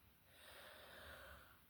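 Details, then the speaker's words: Dog asleep on a sofa next to the recorder, heard as faint, soft snorting breaths against quiet room noise; ordinary snoring during sleep. "I should just mention, if you hear the faint sound of snoring, I am looking after a friend's dogs at the moment. And one of them is snoring on the sofa next to me, so I do apologise."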